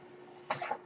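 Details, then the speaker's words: Podcast host's own mechanical ventilator heard while he speaks: steady low hum in a quiet room, then a brief airy whoosh lasting about a quarter second as the ventilator cycles. "that noise you're hearing is my ventilator and welcome to page-turners they were not my Star Wars podcast"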